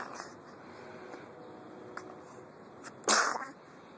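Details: Jack's sneeze: a small intake of breath, then a single sharp, explosive burst of air in a quiet room, fitting a child.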